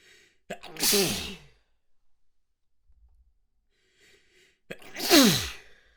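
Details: Messy sneezing fit: two forceful, wet sneezes, each with a sharp intake of breath before the explosive burst.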